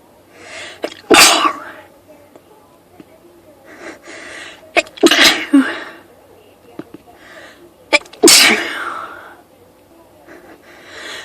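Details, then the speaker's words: Person sniffly all day, set off by one spritz of perfume, has a sneezing fit of 18 sneezes; here three forceful sneezes, each with a quick indrawn breath before it; sneezing. "I have to sneeze. Excuse me. I'm sneezing like crazy today."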